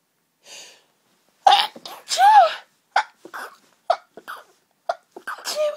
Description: Very intense fit of sneezes brought on by hayfever again, these sneezes felt incredible but they just wouldn't stop and they were so intense & the relief felt so good